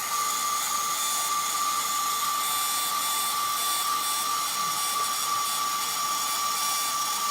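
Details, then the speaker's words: Steady high-pitched whine with no dips in pitch: a rotational atherectomy burr spinning at constant speed with no RPM drop, passing easily, during a live endovascular case. "like it's going very easy out here in the RPM drop"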